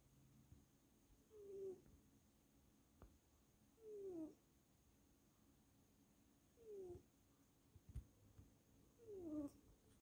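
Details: A resting cat's snoring: a soft, falling whistle with each breath, four in ten seconds (about 24 a minute), with faint room noise.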